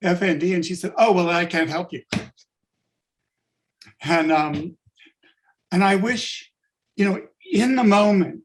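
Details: Adult man with late-onset stuttering after a functional neurological disorder diagnosis five years ago, when he awoke unable to speak and had up to 20 seizures a day; speech returned but not fluency: adult-onset stuttering.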